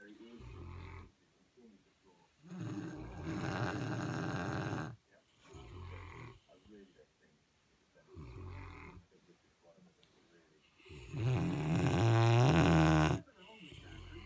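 Loud, rumbling snores in repeated long bursts from sleeping dogs, some deep and rattling, with quieter breaths between.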